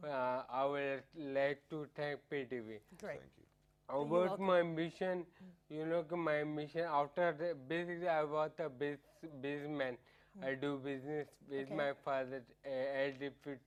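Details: Adult man with ataxia, which affects coordination of speech muscles, causing slurring; ataxic dysarthria.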